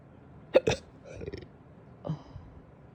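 A pair of sharp, abrupt gulping sounds, then a softer one, typical of hiccups.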